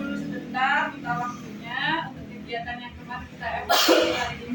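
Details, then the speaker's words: Coughing shown in a health-centre educational clip on cough etiquette, explaining that coughing and sneezing release virus and bacteria particles from the airway that can spread disease. "Tahukah kamu ketika kita batuk dan bersin kita melepaskan partikel-partikel virus dan bakteri dari saluran nafas kita ke linggungan sekitar sehingga berpotensi menularkan penyakit di lingkungan sekitar"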